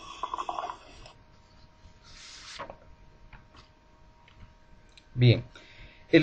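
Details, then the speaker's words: Patient unable to clear the airway: low, gurgling rattles in bursts, predominantly expiratory, from secretions pooled in the larynx and trachea; tracheal rattle. "lo van a presentar algunos pacientes que son incapaces de limpiar su vía aérea escuchemos un estertor traqueal"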